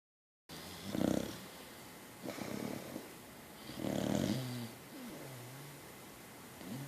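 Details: Sleeping dog described as a "Beacock" snoring: soft snorting snores with a nasal, whistling edge between breaths; ordinary snoring.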